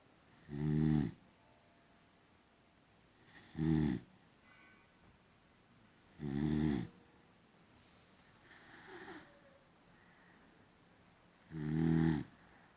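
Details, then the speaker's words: A sleeping female boxer dog makes slow, loud, rattling snores at about 20 breaths a minute, quiet between breaths: snoring. "Peacefully sleeping. Immediately open the eyes. Are you snoring and sleeping, gorgeous?"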